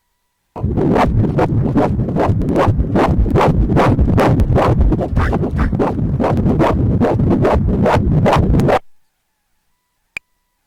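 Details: Fetal heartbeat on Doppler ultrasound at 25 weeks of pregnancy: rapid, regular whooshing beats at about 150 per minute, in the normal range.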